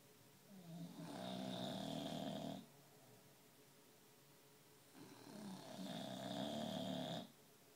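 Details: Two sleepers snoring together in stereo: long, rattling snores on slow inhalations with quiet pauses between, about eight breaths a minute.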